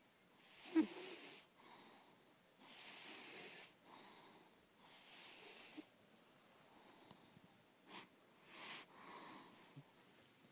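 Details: Senior lilac point Siamese cat, indoor, said to be in good health, asleep: soft, hissing, airy snores with a breathy, whistling quality repeating with each breath: snoring.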